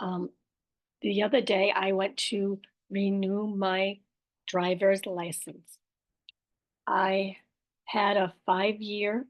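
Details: Aphasia with apraxia of speech and dysarthria after a stroke in an adult woman, with word-finding errors, repetitions and self-corrections.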